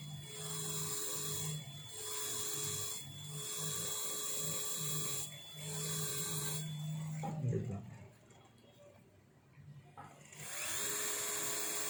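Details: Dental implant drilling on a bone model (not a patient), comparing wide-apex and sharp-apex tapered two-piece bicortical implants; initial and tapered drills with minimal drilling give repeated stop-start runs of low motor hum and whine over room noise.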